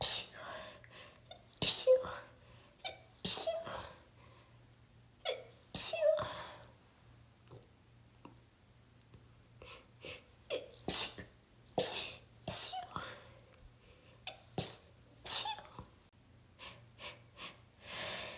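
A run of repeated sneezes, roughly ten bursts, with sniffs and breaths between them, consistent with frequent sneezing during a cold.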